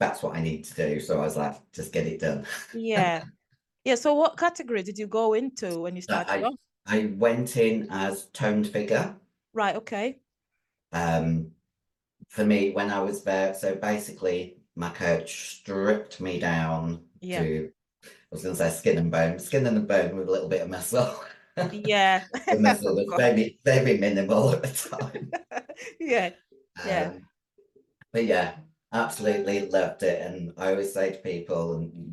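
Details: 56-year-old female bodybuilder with androgen-induced voice deepening (virilized voice) after taking large doses of anabolic steroids, including male steroids; she can no longer sing; also has past liver damage.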